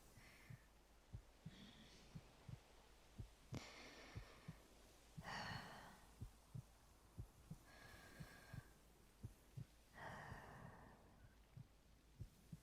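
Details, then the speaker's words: Female heartbeat in a staged ASMR audio roleplay: soft, steady, slow low thumps with faint breathing and mouth sounds in a quiet room; heartbeat. "You hear it? Soft, alive."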